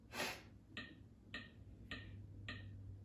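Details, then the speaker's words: Training AED metronome ticking regularly at about 105 per minute, pacing and counting chest compressions during CPR demonstration after a delivered shock; prompts 2 breaths after 30 compressions. "Good thing with this, we've got that metronome, right? It's pacing us on our compressions as we're 10. compressing. Keeps count for us."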